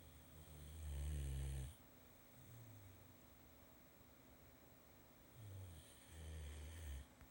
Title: Sleeps like a baby, snores like a man love him